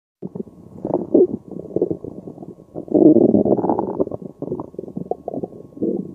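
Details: Low, irregular, bubbling gurgles and rumbling from the belly while digesting spaghetti carbonara after a meal: active bowel sounds (borborygmi).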